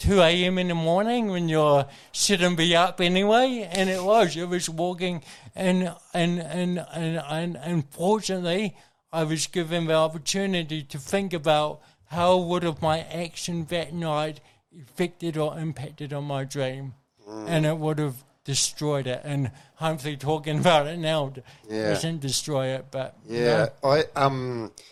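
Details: Adult man with cerebral palsy present from birth, a brain injury from oxygen loss to the brain during birth; he reports his thinking is intact; dysarthria (cerebral palsy).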